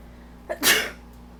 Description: I'm allergic to my cat Winnie so I sneeze when she's around. However, she doesn't seem to like me sneezing.